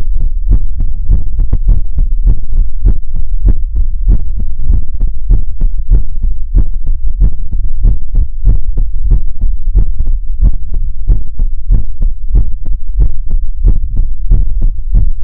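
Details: Heartbeat in an ASMR recording that also features whispers, helicopter and mouth sounds: steady, regular low thumping at about 100 beats a minute with no other sounds.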